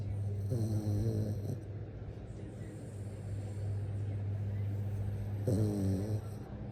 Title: Lady is snoring 😴